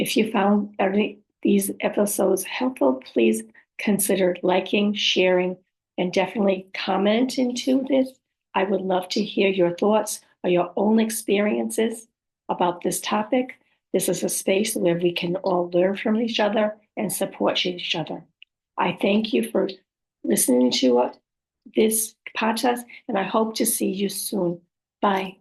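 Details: Woman with aphasia, apraxia of speech and dysarthria after a stroke or brain injury, who says her speech can be hard to understand; aphasia with apraxia of speech and dysarthria.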